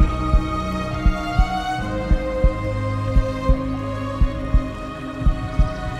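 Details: Steady low double thumps at about 57 a minute under calm epic background music; a slow regular heartbeat sound effect.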